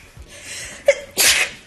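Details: A short in-breath followed by a single sharp, hissing sneeze from a woman, followed by "bless you": sneeze.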